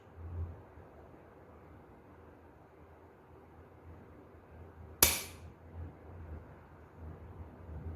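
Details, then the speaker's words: Quiet room, then one sharp snapping pop as a needle-free pressurized intradermotherapy pen fires a two-unit shot into ballistic gelatin, penetrating deeper than one unit. "agora eu vou colocar duas unidades faça pressurização e vou andar dois giros do meu tambor aqui para disparar vou disparar aqui Exatamente do lado da onde eu fiz o disparo da humanidade"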